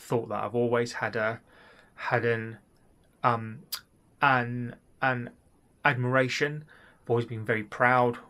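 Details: Adult man with stuttering (stammer) since childhood, addressed with cognitive behaviour therapy.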